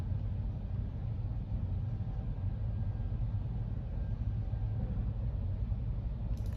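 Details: Muffled low rumble with no understandable speech; simulation of average-level talkers as heard with a female's moderate bilateral hearing loss without hearing aids, from her April 2023 thresholds, about one percent of speech sounds audible in the left ear.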